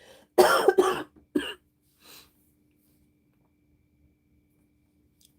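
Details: A quick run of three harsh coughs, the first two loudest, then a faint fourth, in a quiet room; an adult with bronchitis who is taking amoxicillin and using an inhaler.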